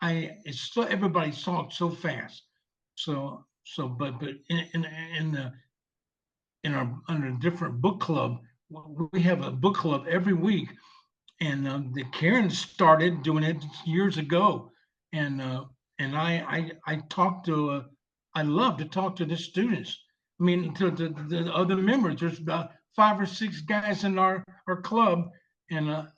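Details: 74-year-old male veteran with aphasia from a stroke 7 years earlier, receiving long-term speech therapy; aphasia.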